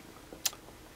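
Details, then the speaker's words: LIFEPAK 15 CPR metronome tone: a synthetic sound designed to span at least three critical bands and punch through ambient noise. A single short, sharp, high-pitched electronic tick, one beat pacing chest compressions. "this is a CPR metronome that is designed from the ground up this sound does not exist in nature"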